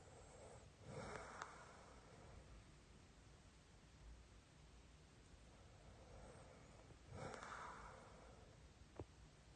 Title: Snoring interferes with wife's sleep(코골이로 마누라 잠 못자게 하기)